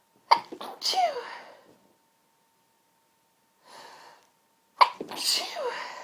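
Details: Repeated sharp, forceful sneezes with quick in-breaths between them: a sneezing fit in one person, who then says "bless me" and complains about it.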